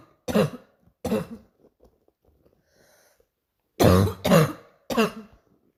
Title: barking cough 2